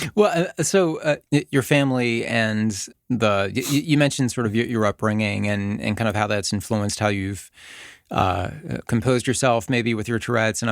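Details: Adult male speaker; Normal conversational speech.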